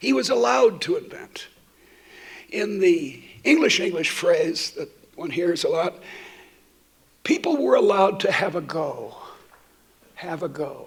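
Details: Adult woman who states she stutters, giving a keynote talk while she also has a terrible cold; repetitions heard; stuttering.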